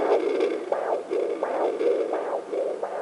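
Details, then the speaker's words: Rhythmic whooshing pulses, about 100 a minute, from a home fetal Doppler placed on the left side of the lower abdomen: the mother's arterial blood flow, often mistaken for the baby's heartbeat. "what that is is you're hearing the blood flow in and out of the artery so it's fast and a lot of people mistake that as a baby but it's not the baby"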